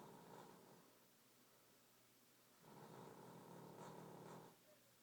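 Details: Dog snoring, owner wonders about canine sleep apnea: two long, rough, rattling breaths a few seconds apart with quiet between them; snoring.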